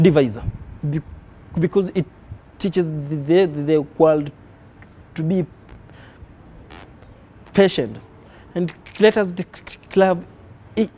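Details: Adult man who stammers, with blocks and prolongations of words in every sentence and long pauses; stuttering.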